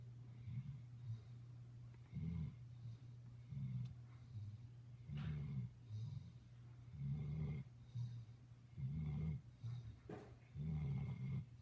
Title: Bear the Dog snoring